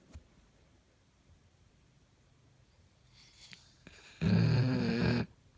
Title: Dog snore kuorsaava koira